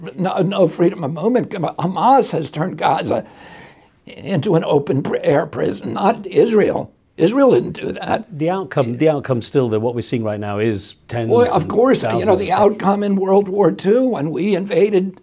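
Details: Spasmodic dysphonia in an adult male whose voice was strong until age 42, following a neurological injury in 1996; he attributes his voice to the brain sending wrong signals to the vocal cords, not to the vocal cords themselves.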